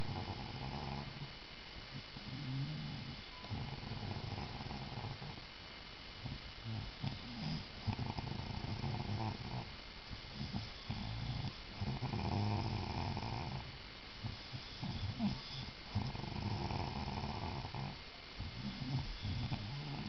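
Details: Very loud snoring: rough rumbling breaths repeating in uneven cycles over twenty seconds, some with a gurgling rattle.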